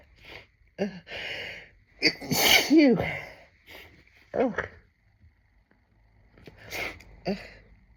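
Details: Adult with a tickly nose, sneezing after listening to someone else's sneezes: a few sharp catching breaths build into one big, explosive sneeze with a voiced trailing cry, then quieter breaths and small sniffs.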